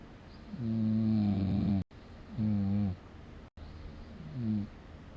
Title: その1 2020/9/6 いびき（snoring）